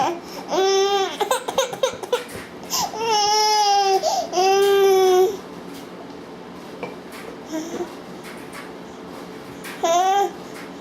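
Several loud, high-pitched wailing cries with fussing sounds between them in a quiet room. The pattern fits an infant crying.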